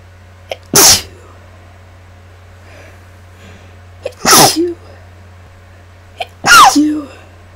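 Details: Three forceful induced sneezes, each after a quick sharp inhale, a few seconds apart, from a person sick for 8 days, congested and nearly voiceless; mic gain turned up: sneezing.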